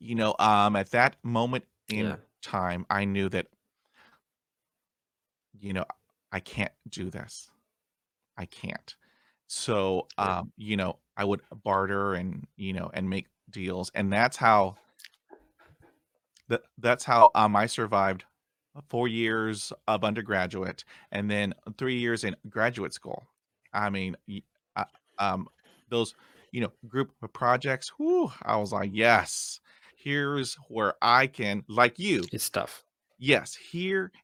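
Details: Adult man who stutters and still gets hung up on words after 20 years of speech therapy; stuttering.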